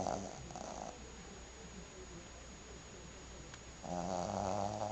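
Rough, throaty snores with a rumbling, purring quality and a quieter stretch of breathing between them. Snoring from a dog.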